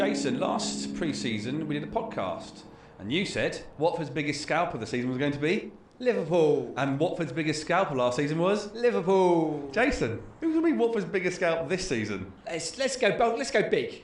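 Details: Adult man speaking; typical voice.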